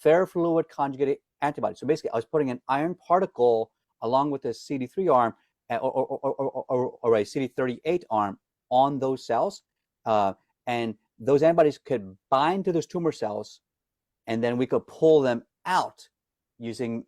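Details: Adult man with lifelong stuttering who says he is disfluent every day and hides it when singing; word repetitions audible; stuttering.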